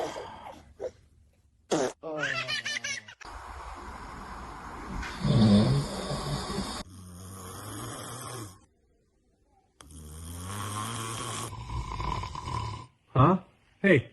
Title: Dad’s Snoring MakesBaby’s Funniest Reaction Ever 👶 #baby #babygirl #babyshorts #babysongs #cutebaby